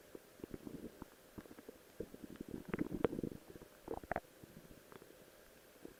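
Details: Stomach growling (borborygmi) from the person's own belly while wearing a Rose cosplay outfit: soft, irregular gurgles and squelching rumbles.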